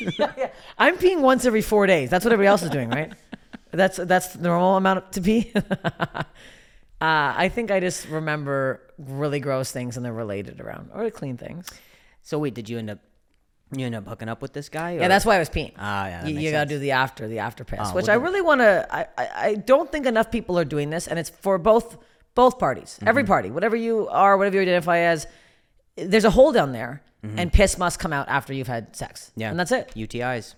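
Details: Adult speakers in conversation; typical speech.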